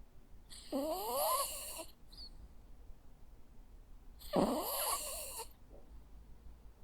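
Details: Sleeping Jack Russell Terrier: two whistling, squeaky snores on the in-breath a few seconds apart; harmless snoring.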